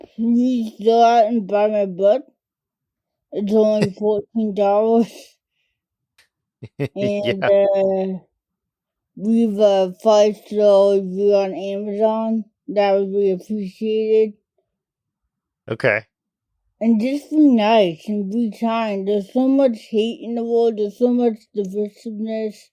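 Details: adult woman diagnosed with cerebral palsy as a toddler, which primarily affects her speech and fine motor skills; dysarthria (cerebral palsy)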